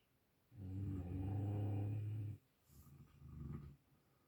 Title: Snoring dogs (sound up!)